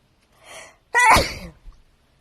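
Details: Woman sneezing: a brief breathy intake, then one explosive voiced sneeze with a small trailing sound; a single sneeze.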